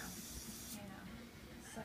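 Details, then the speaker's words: Dental saliva ejector (slow-speed suction) gives a steady airy hiss that drops off partway, over low room hum, as it draws water pooling at the back of the mouth while the dentist drills during a composite filling. "so when she's drilling you know you go in there use suction most of the water okay if you see that it's pulling up in the back you know you can kind of take out the instruments or your sections grab the slow speed section live ejector and kind of go in there and kind of"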